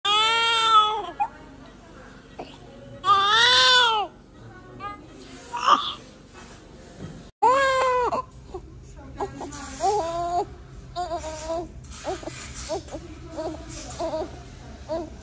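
Newborns give short, high-pitched cries, then softer whimpering and fussing, with a faint background hum; ordinary cries just after birth.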